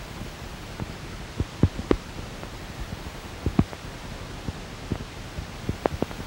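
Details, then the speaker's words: Fasciculation potentials on needle EMG, from a university EMG laboratory teaching collection: sporadic, irregular pops and thumps over a steady hiss. These occur in normal muscle and in anterior horn cell disease, myelopathy, radiculopathy and demyelinating neuropathy. "Faciculation potentials are observed in normal muscle as well as in anterior horn cell diseases, cervical spondyllotic myalopathy, radiculopathy and demyelinating neuropathy."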